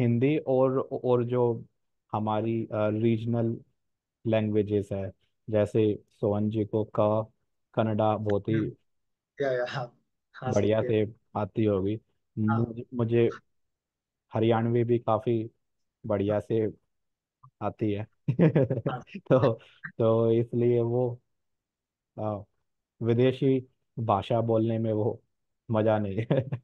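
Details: Real stammering in an adult man who says he stammers more in one-on-one situations; stuttering.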